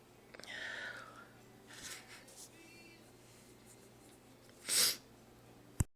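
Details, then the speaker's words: Person whispering that a sneeze is coming, with soft breathy sounds, then a single brief hushed sneeze near the end; says the sneeze hurt. "I'm gonna sneeze. Oh, wow, that hurt. Oh, I gotta sneeze."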